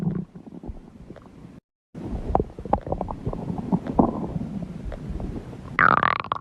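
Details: Stomach growling: gurgling, bubbling rumbles and squeaks from the belly, ending in a rising squeal.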